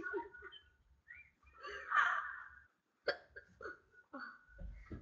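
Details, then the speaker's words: Girl on a webcam with hiccups that keep going away and coming back: short, abrupt catches of breath repeating amid soft laughter and breathing; hiccups. "So they go away and then come back. It's weird. That was a loud one."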